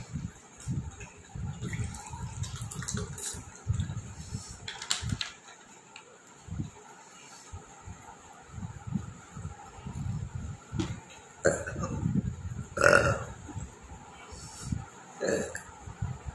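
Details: Short abrupt hiccups at irregular intervals with a louder belch among them, over quiet room noise; real hiccups.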